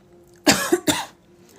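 Two quick, harsh bursts of coughing from an adult in a quiet room; a brief ordinary cough.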